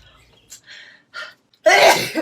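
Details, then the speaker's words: Woman gives quiet breathy short inhalations, then one loud explosive sneeze. "out of control I'm sneezing so loudly and makeup is no doubt [ __ ]"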